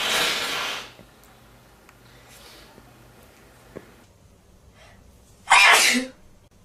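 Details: Male sneezing: a loud airy burst, then quiet, then a second forceful sneeze; ordinary sneezing.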